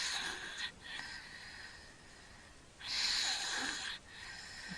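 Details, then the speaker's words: Sleeping infant snoring and breathing through his mouth, not through his nose and not congested; noisy, hissing breaths with loud airy inhalations and quieter stretches between, with breath-holding episodes. Finding: infant snoring with mouth breathing. "you can hear him snoring he's breathing through his mouth nothing's nose and he's not congested now"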